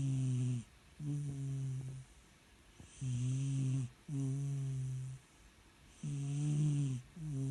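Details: Red cat sleeping deeply: loud, low droning snores, each about a second long, roughly 19 a minute; ordinary snoring in deep sleep.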